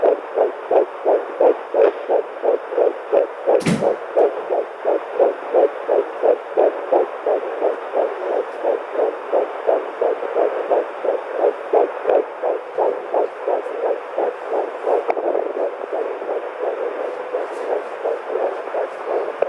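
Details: Fetal heartbeat at 9 weeks of pregnancy on a home Doppler: rapid, regular whooshing pulses about 170 a minute, high but normal before about 12 weeks.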